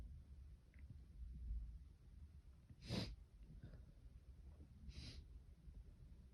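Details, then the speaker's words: Sneezing fit, felt intense at the start, some sneezes stifled; two sharp sneezes about two seconds apart over quiet breathing and sniffing. "Let's see how much I can sneeze. I feel like I kind of did a lot."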